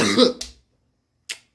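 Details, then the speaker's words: 16-to-17-year-old male with a persistent bad cough, possibly bronchitis (suspected, not confirmed): a short harsh voiced cough, then a quieter dry cough. "I was coughing the whole last video and just just wasn't good I might I might have bronchitis"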